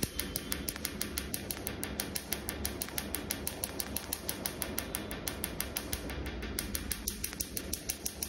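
Rapid, fairly even snapping clicks, about three per second, over a low room hum: laser pulses during tattoo removal.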